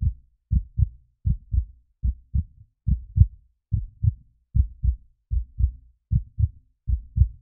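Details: Steady, deep lub-dub normal heartbeat at about 77 beats a minute with no added sounds, from a heartbeat sound-effect recording.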